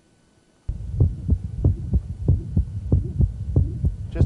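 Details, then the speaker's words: Hypertrophic cardiomyopathy in a man: mid-systolic murmur, with mitral regurgitation, that comes on strong on standing and diminishes as he releases a maneuver; regular heartbeat about 95 a minute. "as he releases it'll diminish we've got a little bit of the murmur there really comes on there's mitral regurgitation anyway it goes"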